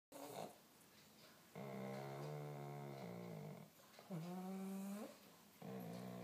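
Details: Awake pug, not sleeping, makes loud, rough, droning snore-like sounds with each breath: stertor.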